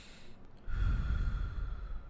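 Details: Deep inspiration heard on chest auscultation, from a thoracic semiology teaching demonstration.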